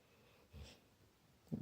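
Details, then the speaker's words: About 8-month-old Labrador puppy asleep with his face close to his owner's: one low, rumbling, snort-like snoring breath, with the next breath just starting, in a quiet room. "Snoring. His face is kind of close to mine. It's hard to sleep."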